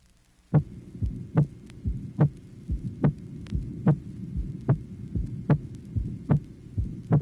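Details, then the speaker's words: Teaching heart recording from 1967, tracing 1: hypertensive patient, regular heartbeat near 72/min with a loud, ringing, tambour-like aortic second heart sound. "the first example corresponding to tracing number one is a loud tambour like second aortic sound observed in a hypertensive patient"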